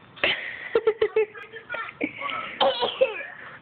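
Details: Young child deliberately fake coughing: a string of short, voiced, forced cough sounds on purpose, not a true cough.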